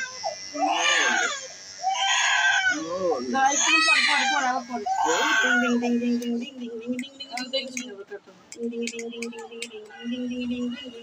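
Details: Few-months-old baby girl crying during her first haircut, frightened at first: rhythmic wails then quieter whimpering, an adult soothing in the background; ordinary fearful infant cry.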